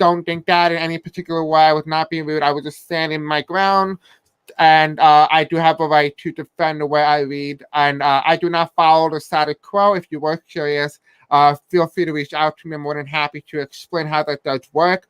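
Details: Deaf speech from an adult man who says he has a deaf accent and may have a hard time pronouncing certain words.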